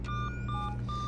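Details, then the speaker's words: Simulated anesthesia machine (VR simulation) disconnected from power: repeating high electronic alarm tones over a low hum, warning it is running on backup battery, normally about 20 to 30 minutes of power. "hear an alarm that lets us know that we're using our backup battery system and normally we should have about 20 to 30 minutes of power to our anesthesia machine"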